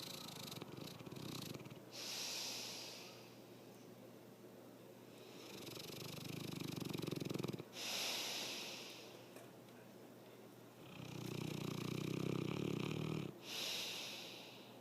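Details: Loud rattling snores on each in-breath alternating with hissing out-breaths, about four breaths a minute, getting louder over the recording: heavy snoring.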